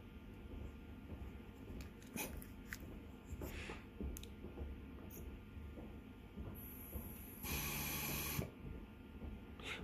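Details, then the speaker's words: Draeger C500 ventilator running its automated breathing-circuit leak test with the patient connection port occluded: irregular mechanical puffs and hissing, a sustained hiss near the end; pre-use setup demonstration, no patient connected. "so now the machine is performing the leakage test"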